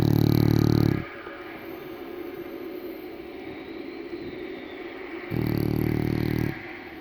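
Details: Letti the English bulldog snoring while asleep: two loud, low, rattling snores about four seconds apart with faint television sound in the background; snoring.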